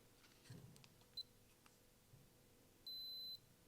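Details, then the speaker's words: Short electronic beep as a tympanic ear thermometer switches on, then a longer steady beep when done, reading 98°F (no fever) in a 1993-born woman during a role-play head-to-toe vital signs exam; normal device signal. "I'm going to check your [Music] temperature so this is going inside the ear let me turn it on and just"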